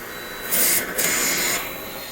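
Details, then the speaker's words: Mechanical insufflation-exsufflation (cough assist) with an oscillator feature, used to pull secretions from a patient's lungs; negative pressure phase after about 2.5 seconds positive: a harsh hissing rush of suctioned air. "This has an oscillator feature that also serves the purpose of shaking his lungs. You can hear it when it goes in."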